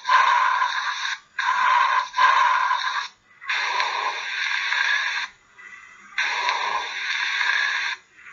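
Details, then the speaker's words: Vesicular breath sounds demonstrated in a respiratory lecture after bronchial sounds heard over the trachea and sternal notch; rustling breaths with longer inhalation and softer, shorter exhalation, typical of normal vesicular breathing. "okay so those are this is going to be your bronchio and your second one is going to be your vesicular"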